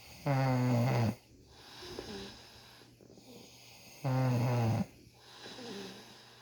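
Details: Man snoring loudly during beard ingrown-hair removal: two loud, low, rattling inspiratory snores, each followed by quieter exhalation, quiet room.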